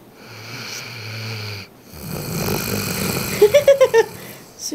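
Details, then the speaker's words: Ridgeback Georgia snoring while asleep after a long day at doggy day camp and two bowls of food: loud, rough, droning snoring breaths, with a few short squeaky whistles at the end of one breath. "Okay. Let's see if we can record her snoring. Pretty loud."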